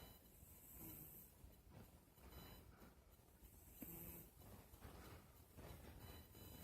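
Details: Cat snoring while sleeping in bed.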